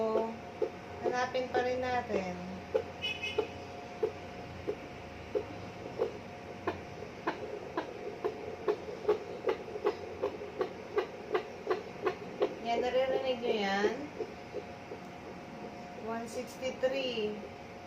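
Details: Steady, rapid whooshing pulses, around 150 a minute, with probe scraping and background music: a pregnant woman's normal fetal heartbeat, picked up at home with a handheld fetal Doppler and KY jelly.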